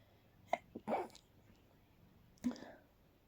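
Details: Stifled sneezing at night, held back to avoid waking others: a few short, muffled bursts, each preceded by a caught breath, in a quiet room.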